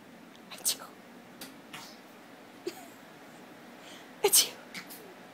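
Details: Baby fake sneezing, imitating sneezes (parent links it to their own bad allergies): several short, sharp sneeze-like bursts with breathy intakes.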